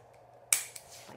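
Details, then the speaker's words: A single sharp, bright click from a spring-loaded chiropractic activator adjusting tool, fired once as a demonstration to a young child athlete during his third adjustment of the day, in a quiet room. "Remember the activator? What's an activator? The clicky thing? Looks like this. Sounds like this."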